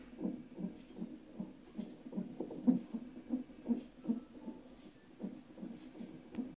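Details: Fetal Doppler recording of the baby's first heart sounds: rapid whooshing pulses at roughly 150 beats a minute, a fetal heartbeat.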